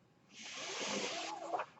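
A steady rush of hissing air lasts about a second, with a faint tonal whine as it ends: one breath delivered by a mechanical ventilator.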